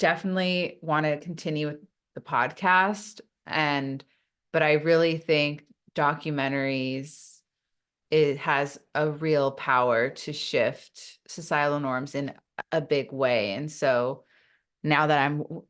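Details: Adult woman who stutters, speaking in an interview; stuttering.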